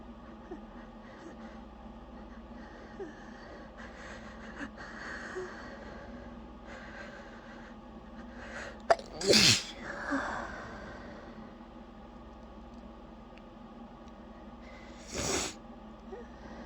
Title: trying not to sneeze but i can't stop myself